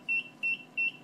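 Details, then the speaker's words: Puritan Bennett 740 ventilator during its short self-test (SST) alarm check: three short, high, evenly spaced beeps as the main, medium and no-sound alarm tests are accepted; the test passed, a normal check. "so now that's the alarms that's the main alarm except medium alarm except no sound except that test pass"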